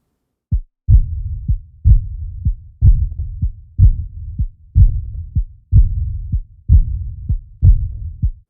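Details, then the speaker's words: Tall thin 42-year-old man with long extremities and fingers, possible Marfan syndrome, BP 138/56, rhythmic head bobbing: regular heartbeat about 62 a minute with a soft fading early diastolic decrescendo murmur loudest at left lower sternal border; aortic regurgitation. "then he has a wide pulse pressure and that head bobbing and an early diastolic decrescendo murmur along the left sternal border so this is aortic regurgitation"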